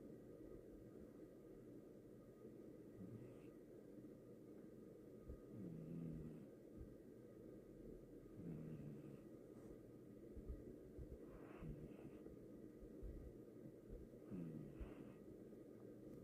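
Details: Sleeping cat snoring while dreaming, having talked in its sleep just before: soft, faint snores, about 20 a minute, over a steady low rumble.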